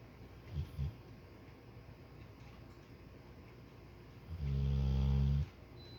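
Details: Soundly sleeping subject: a brief softer snort, then a loud, low, rumbling snore lasting about a second against quiet room noise; snoring.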